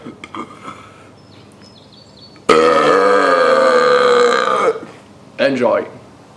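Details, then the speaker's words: A man demonstrating deliberate burping by swallowing air gives one long, loud, voiced burp lasting about two seconds, then a shorter second burp, in a quiet room. "step one take air to your throat to your stomach step two let it out for best result stand up it will be easier for the air to pass follow these steps"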